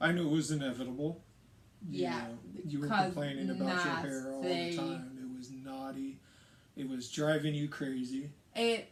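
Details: Adult man speaking; typical speech.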